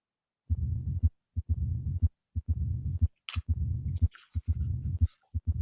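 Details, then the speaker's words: Complete teaching example of mitral stenosis with a regular rhythm of about 60 a minute: first sound, second sound, then an early opening snap followed by a low-frequency rumbling diastolic murmur. "so this is a now a complete example of martial stenosis and ask you to concentrate because we have the complete finding nowadays presented now presented first sound second sound opening snap murmur first sound second sound opening snap murmur"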